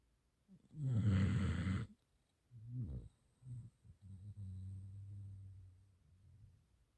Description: More Snoring from my Gampr Dog, her name is Pretty.